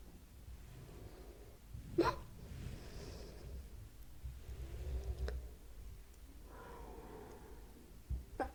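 Quiet, close recording with a few sudden short gulping catches a few seconds apart over soft breathing noise, consistent with hiccups.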